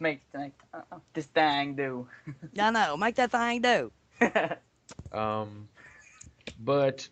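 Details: Adult woman speaking; typical fluent speech.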